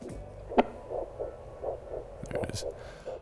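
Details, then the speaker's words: Own right wrist, handheld vascular Doppler on the side without the tourniquet: rhythmic pulsing whooshes with each heartbeat, about 80 a minute; normal radial arterial Doppler pulse. "so every time my blood is being pumped through my my artery here you can hear the little whoosh as it goes underneath the little radar a little doppler"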